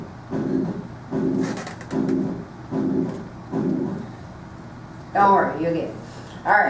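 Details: Pansystolic (regurgitant) heart murmur on auscultation: lower-frequency murmur running throughout systole.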